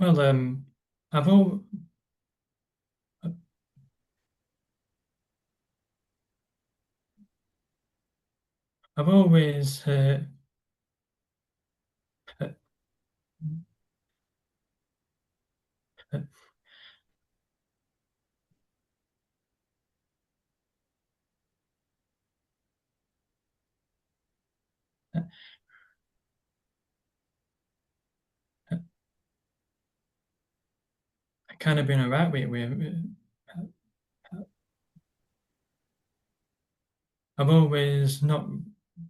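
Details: Adult man with a stammer, described as a neurological condition felt as blocks stopping words, occurring on any word, with silences while blocked; stammering (stuttering).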